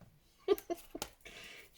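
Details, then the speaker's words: Pet dog sound asleep on a chair in the background snoring: a few short, soft snorting sounds followed by a faint breathy exhale in a quiet room. "sound asleep on the chair behind me and she is snoring her little head off"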